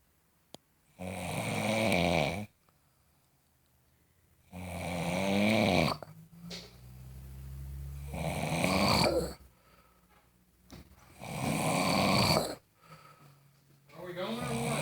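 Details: Loud snoring: harsh, rattling snores on repeated breaths in a quiet room, some with a wheezy, whistling edge.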